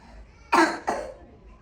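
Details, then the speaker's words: Girl with a croup-type barking cough, demonstrated by a pediatrician: two short, harsh, hoarse barking coughs typical of croup. "Bu inaq tipli öskürəkdir."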